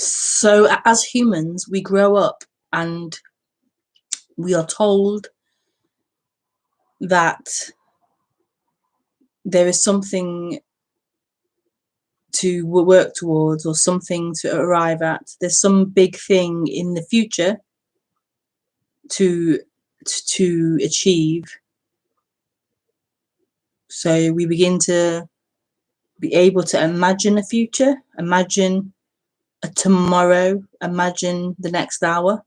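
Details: Woman who says she stutters, speaking during a live broadcast; stuttering.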